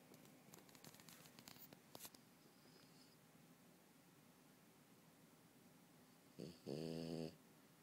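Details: Quiet room, then one short, loud, buzzing snore from a sleeping French bulldog on the couch; snoring.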